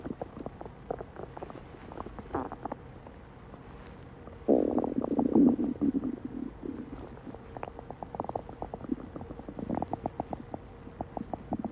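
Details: A male's stomach growling: gurgling, bubbling abdominal rumbles with a louder growl midway, typical ordinary borborygmi.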